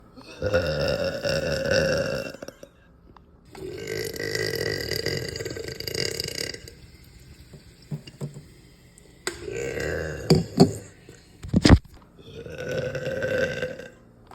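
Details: Woman's several long, deep, loud burps with short pauses between; ordinary belching after lunch.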